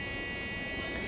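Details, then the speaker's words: Oscillating cast saw cutter running before removing a fiberglass cast: loud, steady high-pitched buzzing whine; the blade vibrates back and forth rather than rotating and cuts fiberglass, not skin. "I'm going to use a saw special cast saw cutter that will only cut fiberglass material not skin the blade does not rotate it vibrates back and forth"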